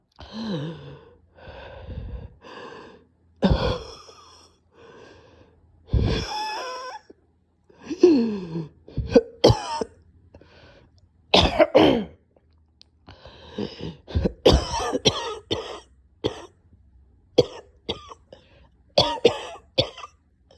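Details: Repeated harsh coughing bursts with gasping, strained breaths and retching-like sounds between them, from a person too weak to record; prolonged coughing fit with choking.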